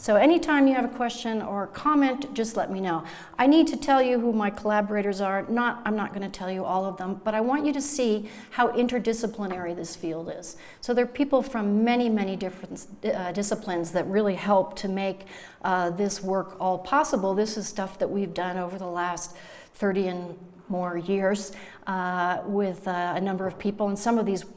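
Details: Adult woman lecturing; normal fluent speech.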